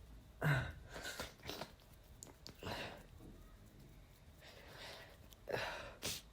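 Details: Male feeling under the weather, sneezes induced with chhinikkni snuff: several loud, explosive sneezes in a quiet room, each with a sharp breath in before it.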